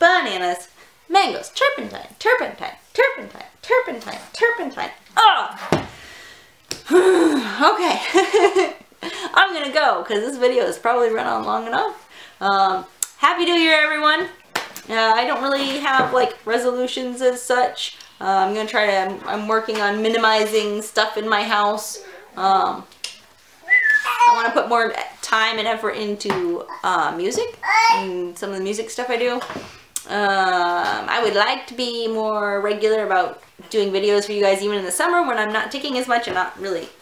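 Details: Woman with Tourette syndrome; a burst of repeated word vocal tics interrupts her speech; Tourette syndrome vocal tics.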